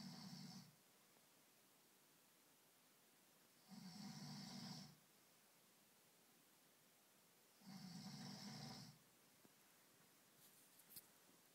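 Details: An overweight adult man snoring after drinking wine: three rough, rattling snores about 4 seconds apart, roughly 15 a minute, with quiet breathing between them.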